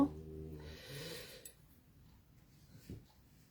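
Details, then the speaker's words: Dog snoring while asleep, heard in the background of a livestream: a low buzzing rumble followed by a soft noisy breath, then near quiet with one faint low puff. "vous avez le concert du ronflement de de notre chien paton pour lancer le le direct je m'aperçois à chaque fois que j'écoute d'ailleurs les directs que je fais qu'on entend les ronflements du chien"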